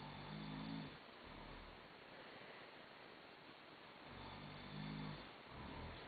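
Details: Person snoring at about 4 a.m. in a hostel in Bohinj, Slovenia: two low, buzzing snores about four seconds apart over a steady background hiss.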